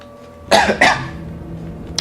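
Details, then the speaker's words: Adult man, hoarse-voiced in winter, gives two short, harsh cough bursts close together, partly like a throat clear, over quiet room noise while narrating a video game. "Excusez-moi, j'ai la voix un petit peu enrouée aujourd'hui, mais je n'y peux rien. C'est l'hiver, là, c'est toujours un petit peu propice à ça, de toute façon."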